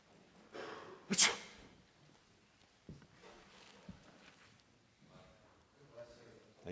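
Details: Priest sneezing during a homily: one sharp, explosive sneeze with a brief indrawn breath before it, in a quiet room with a few small sounds afterward.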